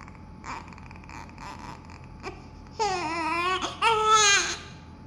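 Two strong, high-pitched wailing cries from a newborn after soft room sounds; a vigorous newborn cry.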